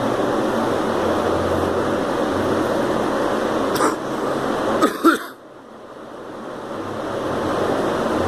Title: Girl coughing